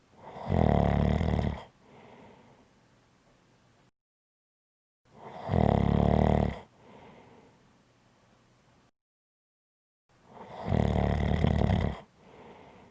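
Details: Audio clip of snoring: three loud, rough snores on breathing in, each followed by a softer breath out, about five seconds apart, roughly 12 breaths a minute.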